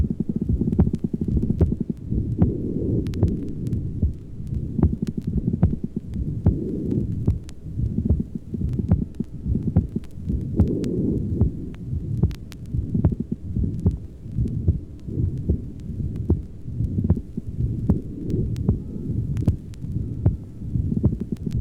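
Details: Pulmonic-area recording: low, steady heartbeat at about 74 a minute with a rumbling murmur; the second heart sound is normal, not accentuated, because lung blood pressure is not elevated. Old recording with surface crackle.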